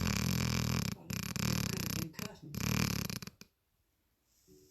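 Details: Springer Spaniel named Edward in deep, comfortable sleep: loud, rough, rattling snores, each with a fluttering buzz, then quiet.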